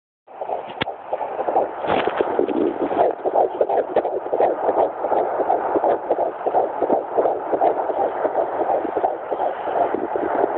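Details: Fetal heartbeat at 12 weeks 3 days of pregnancy, heard through a Doppler; rapid whooshing beats around 165 per minute.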